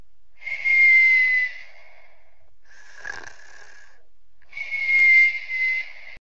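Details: Sleeping while sick: two high whistling breaths with a shorter whistling sound between them, in a quiet room; noisy, whistling sleep breathing during illness.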